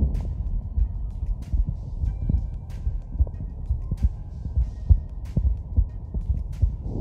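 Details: Heart sounds recorded on the user's own body with a Stemoscope digital stethoscope: muffled, low thumps at about 69 beats a minute, with a steady hum and faint clicking behind them.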